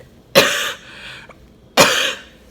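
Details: Two harsh, explosive coughs about 1.4 seconds apart with no rattle, from a woman in hospital isolation after bleeding and months of illness, having deep dry coughing fits every few minutes; dry cough.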